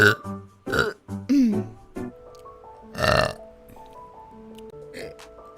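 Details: Vtuber compilation of several loud, low, drawn-out throaty belches with background music; repeated burping.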